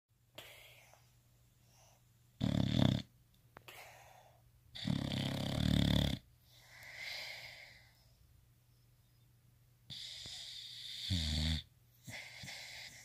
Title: Snoring dog Boxers are so cute